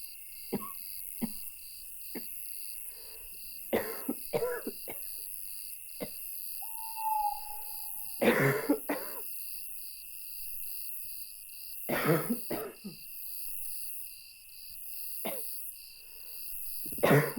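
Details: Adult coughing fits at 2 a.m. in a motel room, described as a barking cough: repeated bursts of coughing and throat clearing over a steady hum and buzz of room noise.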